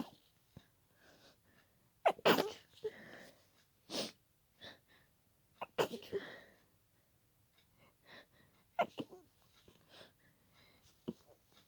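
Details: Person stifling a sneezing fit at night to avoid waking a roommate: several muffled sneezes in quick succession with quiet breaths and small noises between them, in a small quiet room.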